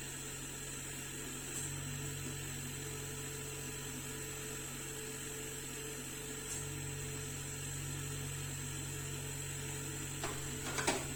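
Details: Steady low mechanical hum of a faulty oxygen concentrator's compressor running during repair and leak testing, shifting pitch every few seconds, with brief clicks and a hiss near the end.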